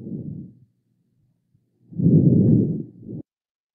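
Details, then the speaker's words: Normal vesicular breath sounds on teaching lung auscultation: soft, low rustling breath sounds through a stethoscope with no added sounds such as crackles or wheezes. "ok entonces este primero que vamos a escuchar es la una auscultación pulmonar normal a los ríos respiratorios conservados sin agregados que la gente pone la historia clínica como suenan realmente tendrían algo así"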